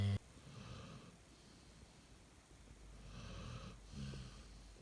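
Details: Soft, low rumbling breaths every couple of seconds with a faint whistling edge, from a sleeping female retriever dog that snores often; snoring.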